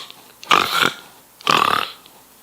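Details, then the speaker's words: A person imitating a dog's reverse sneezing ("snorting") in a short-nosed breed, e.g. a Cavalier King Charles Spaniel after tugging on the lead: two loud, harsh snorting gasps, like inhaling against an obstruction. "it's kind of like they're trying to inhale and there's an obstruction even though it's very frightening it's not really harmful to the dog and it generally will go away all by itself in a very short period of time"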